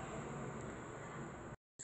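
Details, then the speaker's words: BPL hospital nebulizer compressor, repaired after a burnt wire, tested running after reassembly: steady mechanical hum and hiss of the compressor, then a brief cut-off. "अब हम इनको वापिस से जैसे वापस से इसके स्क्रू कस देंगे बंद करने वापस हमने चेक कर लिया है मशीन चलने लग गई"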